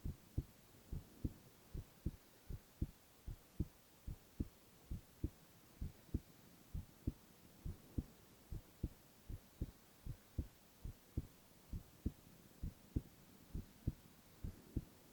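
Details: Male ASMR recording of his own heart: steady, regular lub-dub beats at roughly 70 per minute over soft background hiss; normal heart sounds.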